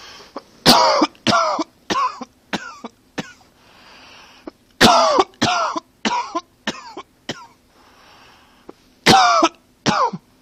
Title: Coughing 81